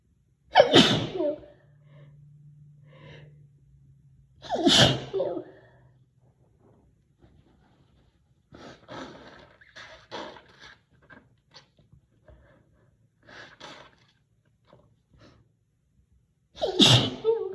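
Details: Female, deliberately induced sneezes rather than natural ones: three loud, sharp sneezes with softer nose-blowing sounds between them; sneezing.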